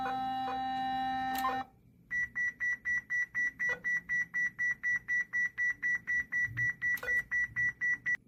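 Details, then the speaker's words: Defibrillator training demonstration: a steady tone gives way to a fast run of regular electronic beeps while the charged discharge button is held down until the sound ends to release the energy. "다음은 디스차지 버튼입니다이이는 충전된 에너지를 방출시키는 버튼으로 소리가 끝날 때까지 누르고 있어야 합니다"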